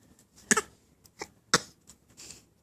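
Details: Two short, light cough-like bursts with soft babbling between them from a 7-month-old baby boy who is learning to talk and has learned to fake a cough; a deliberate voluntary cough.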